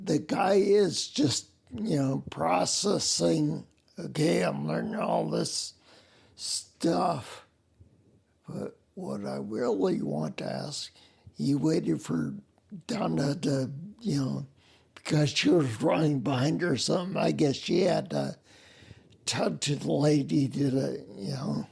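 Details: Adult man with spinocerebellar ataxia, a rare neuromuscular disease with mobility problems, speech impediment and noise-induced anxiety; slurring makes him sound drunk, staggering gait; ataxic dysarthria.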